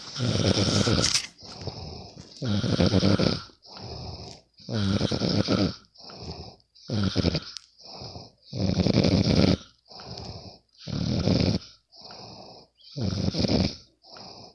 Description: Sometimes i can't sleep. So i will record my bff snoring...